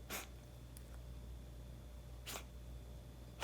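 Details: Cat (Hana) sneezing more since returning to this house, taken to the vet; two short, sharp sneezes over a steady low hum: repeated sneezing.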